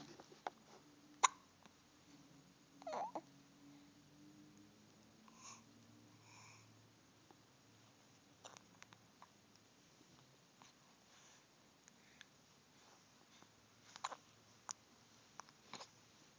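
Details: Soft, sharp hiccup clicks recurring irregularly, about seven in sixteen seconds, in a quiet room; hiccups.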